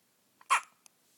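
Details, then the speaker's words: 4-day-old baby boy's first hiccups, at 7:30 am: a single abrupt hiccup in a quiet room, with a faint click just after. "No, you want to say hiccup. Hiccup. It's okay. Little hiccups won't hurt."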